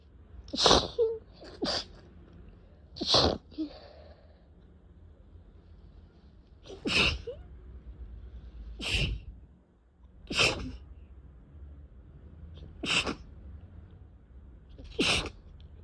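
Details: Uncontrollable repeated sneezing with a very itchy face, a fit that felt like it would never stop: eight sharp, wet sneezes in quick succession.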